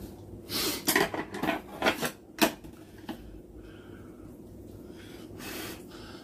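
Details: Several short, sharp coughs in quick succession while eating spicy ramen and kimchi fried rice, from the spiciness; room and dish sounds behind.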